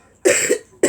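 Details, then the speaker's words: Dry cough, unlike the person's usual chesty cough, in someone who woke with a fever ("roasting hot"). They report a heart problem for about two months that was previously labelled asthma. One short, harsh cough without a wet rattle, then the start of another. "i've always got a chesty cough but this cough that i've got this morning is more of a dry cough and i am roasting hot"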